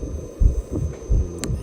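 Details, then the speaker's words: Fetal heartbeat of a 7-week embryo on ultrasound, about 170 beats per minute, described as normal: fast rhythmic whooshing pulses. "목사님이 7주 대 의 아기의 심장 박동 소리를 한번 준비해봤어요 한번 들어보세요"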